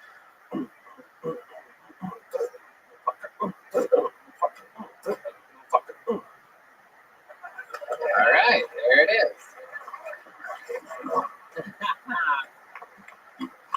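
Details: 25-year-old man with Tourette syndrome, having both motor and vocal tics, with a vocal tic word that changes over time; tic noises mixed into techno music; vocal tics (Tourette syndrome).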